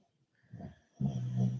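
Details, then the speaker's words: Dog snoring in a quiet indoor room: two low, rumbling breathing sounds, a softer one followed by a louder, longer one. "that's my dog making all these snoring noises if you hear it"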